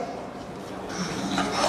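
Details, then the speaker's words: Brachycephalic dog: harsh, raspy breaths growing louder; noisy laboured breathing (stertor), brachycephalic syndrome. "cane che tranquillo sul divano a nessun fattori di stress ok a un certo punto si alza e agitato e respira male"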